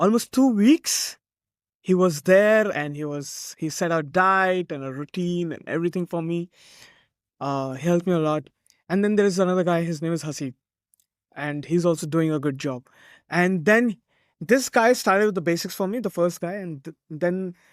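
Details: Adult male speaker; Conversational speech.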